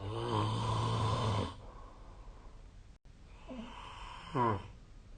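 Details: Sleep snoring recorded with the SnoreLab phone app on 2025/04/07: a long, loud, buzzing inhaled snore, quiet breathing, then a shorter, softer snore; rattling snoring.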